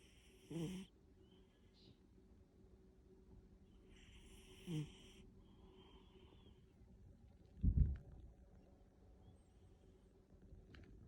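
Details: A pet cat snoring while sleeping; snoring.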